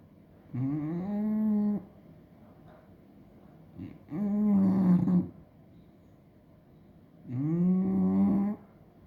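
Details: Snoring in a quiet room: three long, groaning, voiced snores at about 18 per minute.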